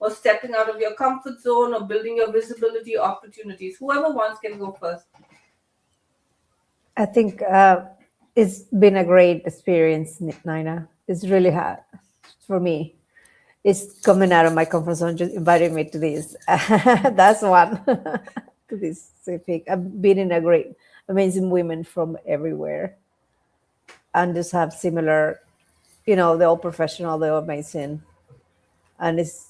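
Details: Stuttering since childhood in an adult woman, audible in her speech.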